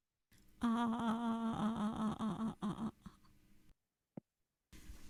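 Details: Vocal tremor on sustained phonation, with modulation of pitch and loudness heard more clearly.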